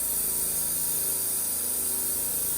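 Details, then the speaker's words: A steady, high-pitched sucking hiss from a dental saliva ejector ("Mr. Thirsty" for children), a suction noise separate from the high-speed suction; normal noise during dental work. "then we have what we call a saliva ejector for the little kids we call it mr. thirsty now that suction it makes another noise"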